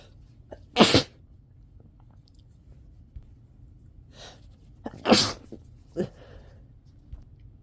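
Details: Two sharp explosive sneezes about four seconds apart, each with a short intake before it, then quieter breaths; repeated sneezing; the person says they began stifling sneezes partway through because they were sick of it.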